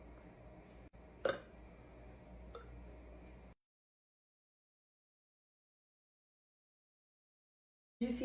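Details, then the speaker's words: Ordinary belch after chugging soda, filmed to show the upper esophageal sphincter opening: a short burp in a quiet room, then a second fainter one; burp. "By popular request, I'm going to be chugging some soda and burping. Let's see what it looks like when you burp."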